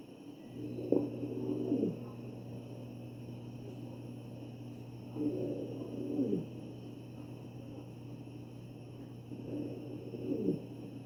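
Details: Wheezing heard over the chest of a real ventilated patient.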